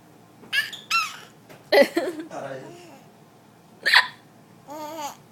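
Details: A person's hiccups: sudden sharp voiced catches mixed with laughter and brief vocal sounds, as someone laughs at the hiccups.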